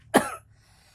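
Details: A single short, sharp cough in a quiet room.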